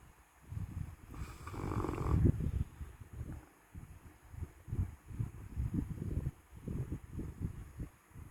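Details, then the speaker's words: Dog snoring very loudly in sleep: low, rough, fluttering breathing in repeated bursts, with one louder snort-like breath. "You snore. Precious. You snore so loud."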